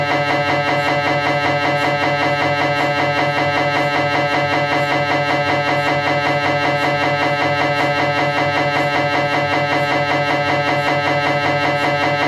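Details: Philips 1.5T MRI scanner during a cervical spine scan; loud, steady, regular mechanical knocking and buzzing at about 78 beats a minute, typical of a running scan sequence.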